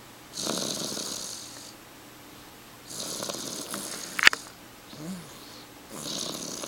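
Three long, hissing, rattly breaths about three seconds apart, with a brief click; ordinary snoring.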